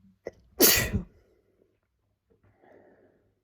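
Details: Male sneezing: a quick in-breath, then one sharp, explosive sneeze with a wet, spraying hiss, followed by quiet breathing. Sneeze.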